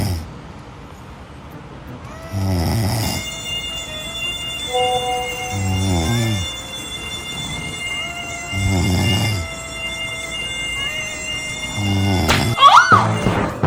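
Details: Acted snoring in a comedy sketch about a snoring husband: four loud rattling snores about every three seconds over background music.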